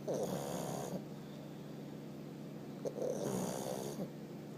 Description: Our 1 year old Pug Fez Snoring LOUDLY!!!! Funny, Cute Boy.....